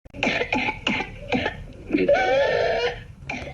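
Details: Whooping cough (pertussis) in a child: a run of four quick coughs, then a long high-pitched whooping inspiration and another cough.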